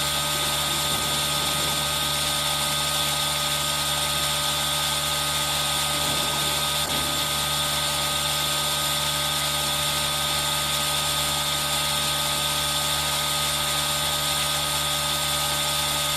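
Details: Steady, high-pitched hiss and hum of a running aerosol nebulizer, recorded on a Zoom H1n for ASMR, with rain sound mixed in throughout.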